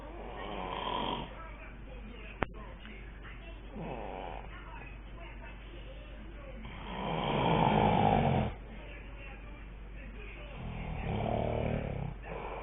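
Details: Adult man (a father) snoring: loud, rough snoring sounds on inhalation, several over about twelve seconds, with low room hum.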